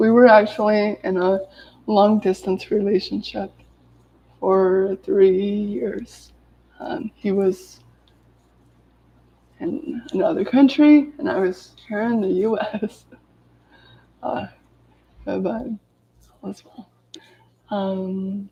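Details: Adult woman with lifelong daily stuttering, severe in childhood, with speech blocks and S-words especially hard, speaking live while recovering from an illness; stuttering.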